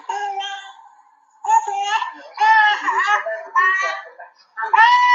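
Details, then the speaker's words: Four short, fretful cry bursts with brief pauses from a 1-year-old boy in casualty on day 1 with respiratory distress, dry night cough, rattling breathing, restlessness and irritability; irritable cry of an infant with pneumonia. "See the restlessness, irritability, and the voice. See the sound of the cry."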